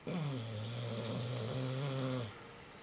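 One long, low, buzzing snore lasting about two seconds, then quiet; a single vibrating sleep snore.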